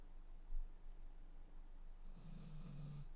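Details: Low, rumbling snores with a soft snort from a deaf, sleeping female pet dog in a quiet room; ordinary snoring during sleep.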